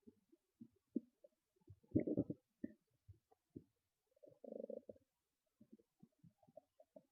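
Quiet, irregular gurgles and clicks with a few louder bubbling rumbles; ordinary stomach growling.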